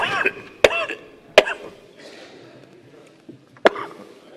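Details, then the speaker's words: Three sharp, dry cough bursts from an adult man while answering during an assembly session, mixed with brief speech and throat sounds. "ಆ ಸಂದರ್ಭದಲ್ಲಿ ಸಹಜವಾಗಿ ಕೆಮ್ಮು ಬಂತು ಒಂದುಸರಿ ಕೆಮ್ಮಿದ್ರು"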